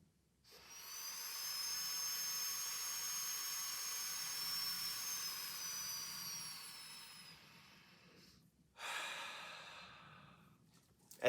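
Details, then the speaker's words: Long hissing, whistling inhalation through The Breather resistive trainer set to inhale resistance 4 (a significant level), then a shorter breath; inspiratory muscle training against added resistance. "as you get stronger you can turn up the resistance and increase how much resistance your muscles have so that you can get stronger so I just turn this up to four which is a significant"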